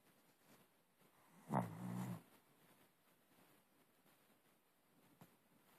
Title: Snoring Shihtzu!!!